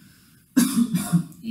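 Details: A single short, rough voluntary cough from an adult patient born in 1993 during a lung auscultation exam, with a brief throaty tail and a quiet breath after.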